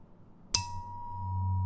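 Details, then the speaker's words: Role-play cranial nerve exam (simulated): tuning fork struck, then a steady pure ringing tone, placed on the bone behind the ear for a bone conduction hearing test after normal symmetrical hearing. "I'm placing this against the bone just behind your ear now. You'll feel a slight buzzing. Tell me when the sound fades completely."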